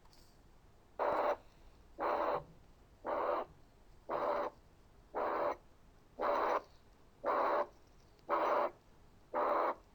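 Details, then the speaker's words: Teaching case, stethoscope diaphragm at the left parasternal border: regular harsh blowing pansystolic murmur at about 58 beats a minute, ventricular septal defect. "لو سمعت على الليفت باراسترنال اريا يبقى ده في اس دي."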